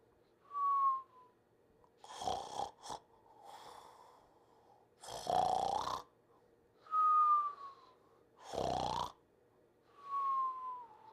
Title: Bentley Sleeping & Snoring